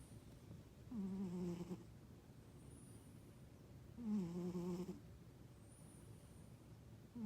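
Two drawn-out, buzzing snores from a sleeping cat, each about a second long and roughly three seconds apart, with quiet breaths between.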